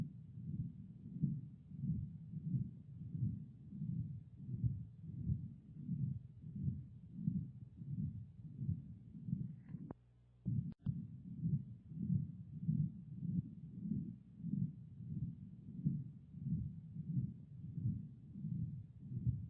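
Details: Patent ductus arteriosus, an acyanotic congenital heart disease, heard through a stethoscope: a regular heartbeat at about 90 a minute with a continuous rumbling murmur.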